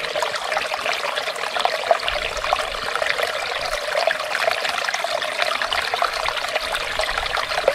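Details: Steady rushing, trickling water of ear irrigation during clinic ear wax removal performed under a microscope.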